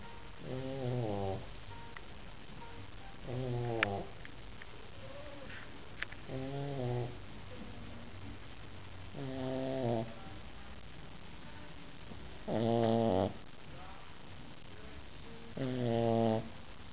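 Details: Regular buzzing, rattly snores, about 19 a minute, with soft room noise between; several sleeping French bulldog puppies snoring.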